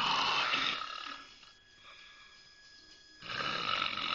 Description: My wife snoring really really loud one day, so had to mess with her, glad she got it fixed now :D